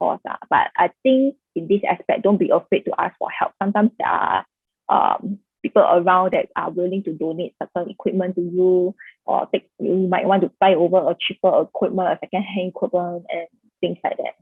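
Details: Adult woman speaking; normal speech.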